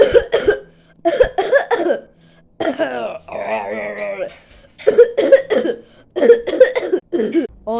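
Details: Acted, simulated cough: repeated short coughing bursts in clusters, with a brief voiced vocal sound in the middle.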